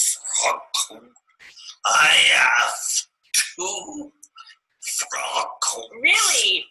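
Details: Male client after a stroke in the brainstem and other brain areas, reading part of the Grandfather Passage; mixed ataxic dysarthria.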